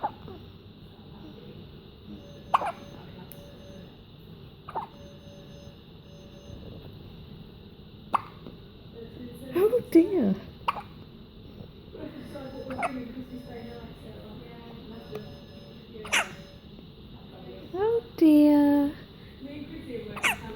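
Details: Sharp, brief gulping clicks every couple of seconds with a few vocal sounds between, over steady room noise; a run of hiccups.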